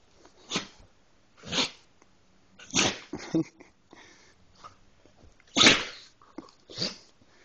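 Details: Female pit bull sneezing, possibly when excited: a run of about six sharp, explosive sneezes in seven seconds, with small snorts between them.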